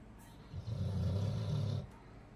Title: Snoring Ambull dog like human...